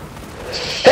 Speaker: oh that was a horrible sneeze that hurt